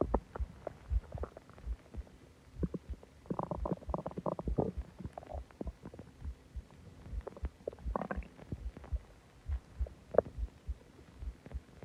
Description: I ate a lot of food and drank a soda and my stomach went crazy